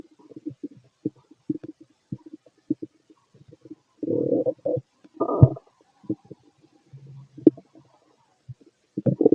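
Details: Fit male's abdomen heard through a stethoscope while he digests a mixed meal; scattered low gurgles and rumbles with a few longer growls: ordinary bowel sounds.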